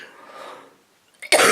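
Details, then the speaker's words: Soft breathy sounds, a pause, then the onset of a loud, harsh cough burst from an adult with a cold; the cough is triggered by a throat tickle when talking. "sorry guys I see only happens when I start talking and you get that tickle in your floor and was the same yesterday"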